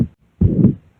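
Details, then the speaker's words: Teaching example of a pericardial friction rub as heard in pericarditis: a rough, scratchy sound heard between the two heart sounds. "y bueno aquí podemos escuchar propiamente cómo sería ese frote pericárdico si estuviera presente y bueno y pueden escuchar los dos sonidos y entre los dos sonidos se alcanza a escuchar ese"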